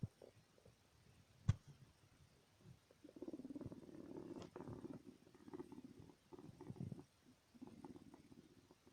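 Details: Low, wet, pulsing hacking and gurgling from a cat, Archie, straining to cough up swallowed hay, which he always clears though sometimes it takes a while: hacking/retching to clear the throat.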